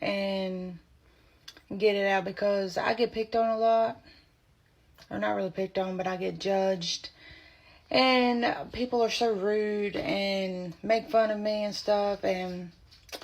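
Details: Woman diagnosed with spasmodic dysphonia at age 24 while three to four months pregnant; her voice progressively went away as the pregnancy advanced; spasmodic dysphonia.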